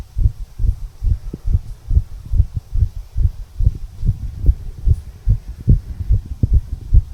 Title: Heartbeat Recording of 34 Year Old Male. Tricuspid Valve Area, Visible HeartBeat.